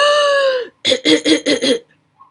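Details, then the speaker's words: Imitated pertussis by a doctor: a long, high-pitched inspiratory whoop and a rapid run of five cough bursts, a severe coughing fit with whoop; whooping cough paroxysm. "the characteristic of pertois or whooping cough is that there is a severe coughing fit followed by an inspiratory whoop so"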